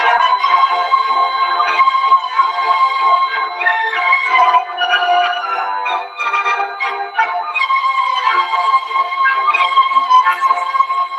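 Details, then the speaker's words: Tinnitus simulation: a classical music piece with a steady high-pitched whistle superimposed, representing how a person with tinnitus perceives it. "las personas que tengan esto lo escuchan con el pitido superpuerto"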